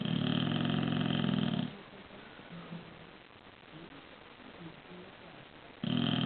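Loud rumbling, fluttering snore from a sleeping bulldog, with a quiet pause between two snoring breaths.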